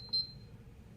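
A single short, high-pitched electronic beep from a syringe pump keypad as a button is pressed; a normal device sound.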